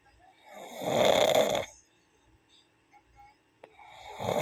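A loud rattling snore on the in-breath, a quiet pause, then the next snore building; ordinary snoring in a quiet room.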